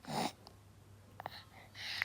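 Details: Baby with a cough whose voice is gone, according to the mother, though the baby usually likes to shriek; loss of voice (aphonia).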